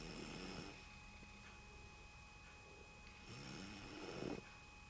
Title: MY BABY SISTER IS SNORING